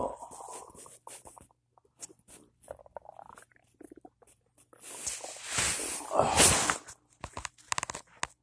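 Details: Loud morning stomach noises after cereal with peanut butter and a cup of coffee: gurgling and bubbling with squeaky rising and falling tones, in bursts and pauses. Borborygmi.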